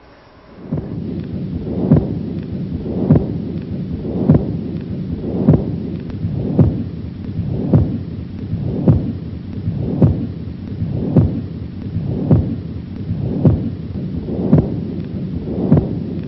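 Regular heartbeats, about 53 a minute, with a rough, rumbling murmur that carries on through each whole beat without a break: a continuous machinery murmur of patent ductus arteriosus.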